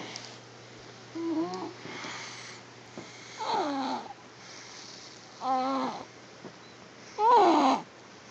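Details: Infant snoring during sleep in a quiet room: soft, squeaky snores on each breath, roughly every two seconds.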